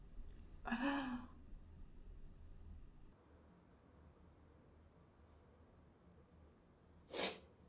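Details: Two sneezes several seconds apart in a quiet room, the first preceded by a breath in.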